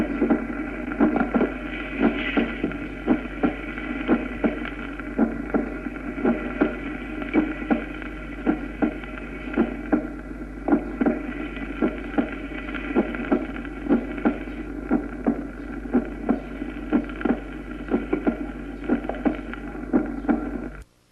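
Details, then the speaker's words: Normal first heart sound (S1) at the apex, lower precordium: regular heart sounds under a steady hum, with a loud, long, low-pitched 'lub' following the long diastolic pause. "sus caracteres acústicos son los de un ruido intenso duradero de tono bajo tipo Tum o ta o lb que sigue al Gran Silencio escuchémoslo"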